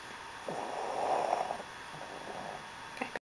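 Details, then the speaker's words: Soft, rough snore: one long noisy breath from a sleeping 10-week-old kitten, with quiet room noise around it. Snoring. "quién está roncando es una Leona o es una retona bueno la retona está"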